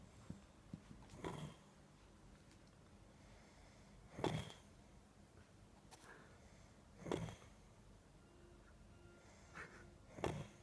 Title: My brother snoring with bubbles